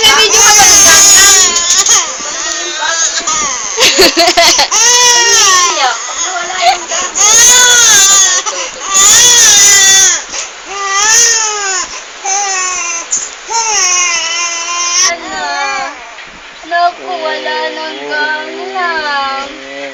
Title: baby crying part 1